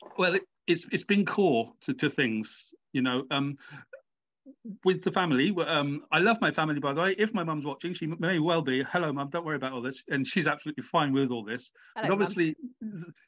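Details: Stammering in an adult man with a lifelong stammer that comes and goes, involving blocks, with word replacement as a coping technique.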